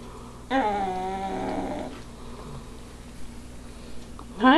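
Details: A dog deeply asleep in a favorite chair, with another dog watching her, gives one long, buzzy, rattling breath, then quiet room noise: snoring.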